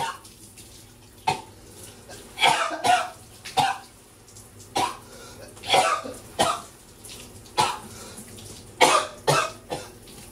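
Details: Repeated harsh cough bursts, about ten in ten seconds, over running shower water from a person with a bug in the throat that won't let up; persistent coughing fit.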